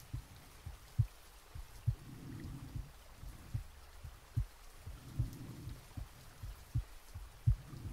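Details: Real heartbeat recorded from the chest while sleeping, with soft rain added: regular paired low thumps about 70 beats a minute; normal heart sounds.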